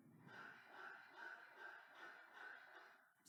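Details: Pug with severe, grade 3 brachycephalic obstructive airway syndrome on the respiratory function grading scheme: fast, harsh, noisy breathing with a high whistling rasp on every breath, about 150 a minute.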